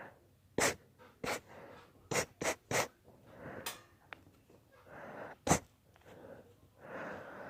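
About seven sharp sneezes in quick succession with breaths and sniffs between, part of a deliberately induced sneezing fit.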